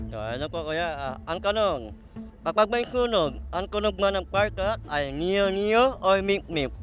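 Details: Host who self-identifies as 'ngongo' (nasal speech) asks a question in an interview game; hypernasal speech with consonant errors.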